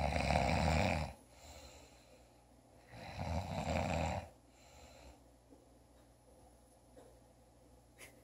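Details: Two loud, rough, rattling snores with quiet breathing between them, in a quiet room; snoring.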